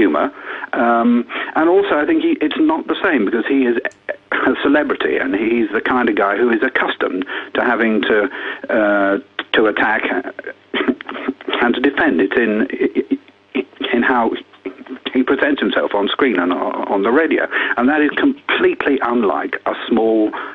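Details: Stammering in an adult man who has lived with a stammer for sixty years.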